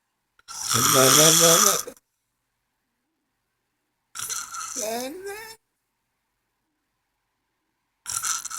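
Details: Adult woman snoring, said to happen all night long: loud, harsh, rattling snores with a rough fluttering tone, separated by several seconds of silence.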